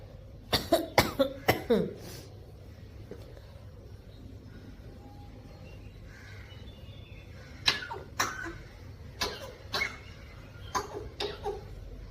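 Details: African grey parrot imitating human coughing: several short cough-like bursts in clusters, mimicry rather than illness.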